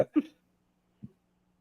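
Two or three brief cough bursts from an adult, the second strongest, with a faint steady hum behind.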